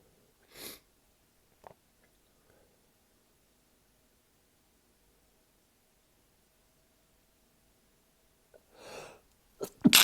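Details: Two sharp sneezes with sniffs between, separated by a quiet pause, then a loud noise at the end, let out in a shower after being held back; a sneezing fit.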